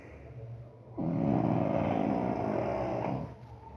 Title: Little Pug snoring